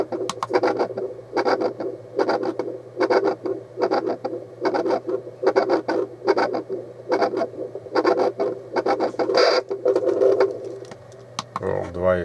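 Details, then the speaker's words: Home fetal Doppler (battery-powered, with ultrasound gel on the probe) demonstrated on the adult user's own body rather than a pregnant belly: rhythmic whooshing pulse at about 73 a minute, an adult heartbeat on Doppler. "И вот так вот по животу ездите пока вот не услышите такой звук Также можно даже у себя сердцебиение измерить давайте сейчас попробуем продемонстрировать"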